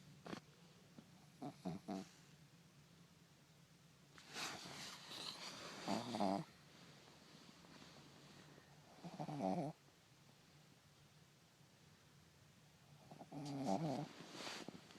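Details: Sleeping pet snoring in a quiet room: intermittent rough, snorting snores a few seconds apart, irregular; animal snoring.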